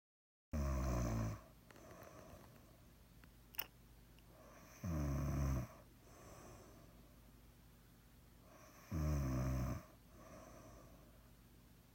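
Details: Three deep, rumbling snores evenly spaced at about 14 a minute, with quiet breathing between them in a small room; snoring.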